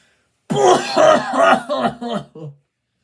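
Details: Acted, exaggerated throat clearing and coughing in short harsh voiced bursts by a person getting ready for work in the bathroom; comedic performance of cough and throat clearing.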